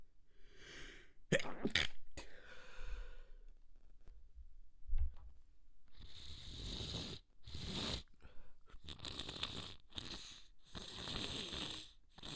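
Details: Extremely wet stifled sneeze fit, held back to stay quiet as tickles grew stronger: series of wet, muffled sneezes with short breaths between.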